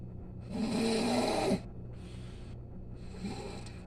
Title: snoring 😴